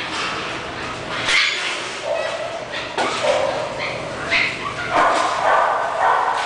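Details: Hiccups in an English bulldog: short, squeaky, yip-like sounds about once a second over a hissy background.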